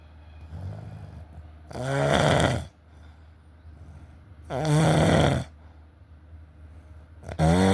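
Loud, rough, rattling snores on the in-breath, roughly 22 breaths a minute, with quiet pauses between them; ordinary snoring.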